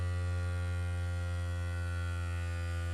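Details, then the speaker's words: OMRON Pro Logic PL100 automatic upper-arm blood pressure monitor, seated user after five minutes' rest, feet flat: steady low motor hum as the cuff inflates after the button press. "I'm pressing the button there'd be a short delay and then you'll feel the car start to inflate"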